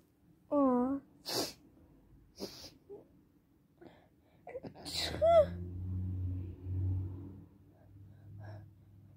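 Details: Sneezing triggered by perfume: a few sharp, breathy sneeze bursts with short breaths between, then voices over a steady background hum.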